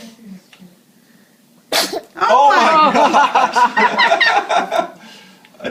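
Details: Baby: a small sneeze, then an adult chuckling and talking over it; a normal infant sneeze.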